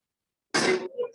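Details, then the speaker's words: Child with croup: a single harsh, barking (metallic) cough followed by a short hoarse sound, from a narrowed, inflamed upper airway. "Y ese es el video sobre la tos metálica o perruna."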